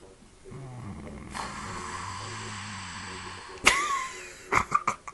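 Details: A man snoring: a long, low, rattling snore on the in-breath, followed by a sharp snort and a few short snuffling bursts.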